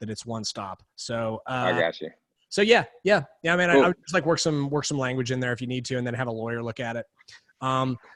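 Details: Adult man speaking; normal voice.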